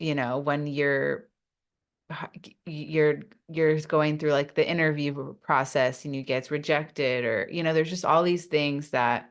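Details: Adult woman who stutters, speaking in an interview; stuttering.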